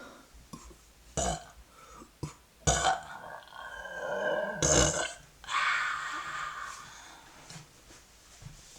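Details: Burping: several deep, rumbling belches, some short and some drawn out, with quiet room noise between them.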